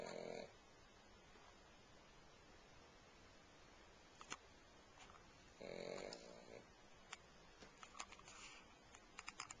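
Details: Pug snoring while asleep on a couch: two brief snorting snores in a quiet room, with scattered small clicks and noises between them.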